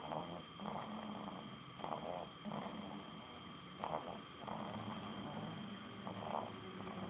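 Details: A sleeper snoring with regular rattling snores, about one breath every two seconds, roughly 30 a minute.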